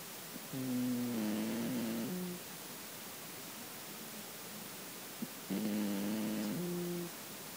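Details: Two long, soft, tonal humming snoring breaths several seconds apart from a sleeping Russian Blue cat; ordinary sleep snoring.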